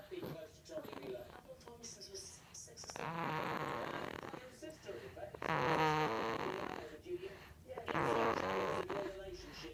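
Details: Sleeping baby snoring with croaky, creaking noisy breaths and several drawn-out rough, rattling sounds, likened to the Grudge; snoring.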